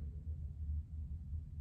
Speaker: you guys hear that that was my stomach that's Bonkers I thought this is bad but I thought it was a dog outside